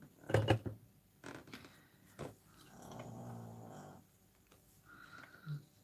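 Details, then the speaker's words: Teddy, a dog, gives a low, buzzing snore that rises and fades once amid nearby clatter and tapping: snoring. "Yes, you can hear Teddy. He's snoring. He wants to say hello to you."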